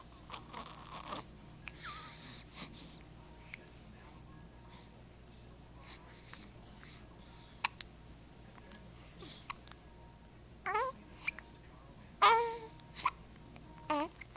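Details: Charlie, a baby, with hiccups: repeated abrupt, brief catches of breath, some with small squeaks, in a quiet room.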